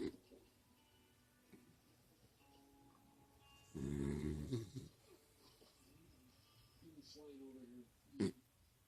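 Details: Pet Skittles sleeping in a quiet room: two rough, buzzing snoring breaths a few seconds apart, one loud and one softer.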